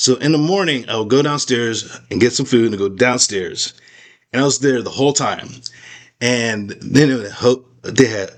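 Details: Aphasia after a stroke in an adult man, real patient describing life with aphasia; he says he still cannot talk as clearly as before the stroke.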